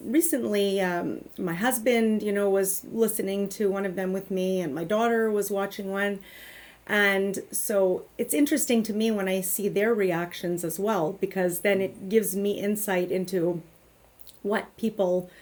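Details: Adult woman speaking; normal speech.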